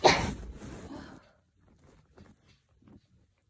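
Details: Single forceful sneeze with a sharp burst and trailing exhale, then quiet breathing and faint movement; sneeze induced with chhinkni powder in a person with a cold of a couple of days.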